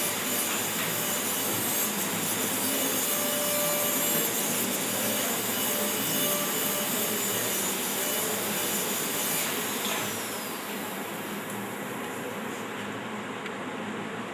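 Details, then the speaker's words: All-ceramic crown preparation demo, supragingival shoulder finish line: steady harsh grinding and hissing of a dental burr held along the long axis, cutting tooth. Dental burr grinding tooth. "See the angle of the burr? Continuously kept long axis."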